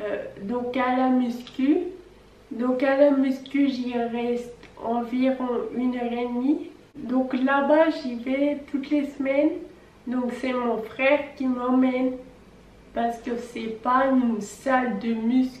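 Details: Ataxic dysarthria in a 26-year-old woman with Friedreich's ataxia, a genetic neurodegenerative disease with onset at age 10 (about 2010); slow, not very loud speech due to the disease.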